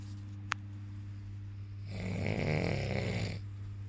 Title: LOUDEST SNORING OF THE WORLD GUINNESS RECORD